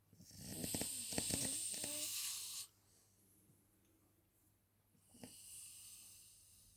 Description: snoring man on the sofa